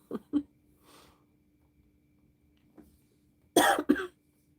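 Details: Adult with bronchitis taking amoxicillin and using an inhaler, saying they sound better: two short coughs, a faint one, then a louder harsh double cough in a quiet room; cough in bronchitis.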